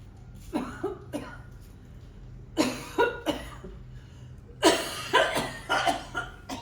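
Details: An adult actor performs a simulated cough in a quiet room: three bouts of harsh, explosive coughing, about ten coughs in all; acted cough.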